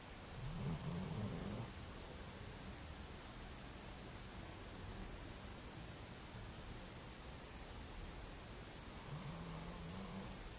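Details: A sleeping dog gives two low, rumbling snores about eight seconds apart over a steady background hiss: occasional snoring during sleep.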